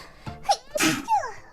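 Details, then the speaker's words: Sneeze from a VTuber livestreamer who first says they are about to sneeze: a quick voiced intake, then one sharp, explosive sneeze and a trailing vocal sound. "待って。くしゃみでそう。"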